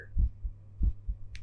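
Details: Regular two-part heartbeat of an adult through a stethoscope connected to a binaural microphone, about 87–90 beats a minute shortly after a sugary drink, with a low steady hum.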